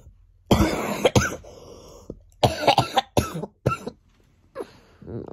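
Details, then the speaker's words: Child with a worsening cold and temperature, cough since Monday, worse at night: several harsh, loose coughs in bursts with some throat clearing between them. "yesterday I had this cough well it started on Monday which was the day before and basically I'm like coughing all day and how bad my cough is at night was massively bad"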